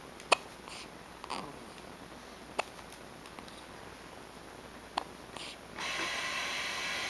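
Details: Three brief, sharp hiccup clicks about every 2.3 seconds against a steady background hiss; hiccups.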